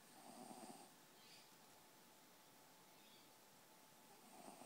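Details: Snoozing Archie snoring quietly: soft, noisy breathing with a faint rattle on the breath, against a steady background hiss.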